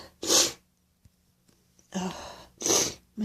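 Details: Repeated sneezing in a person with a very runny nose: three loud, hissing, forceful sneezes with a brief sniff between, including an odd-sounding sneeze after the first blow.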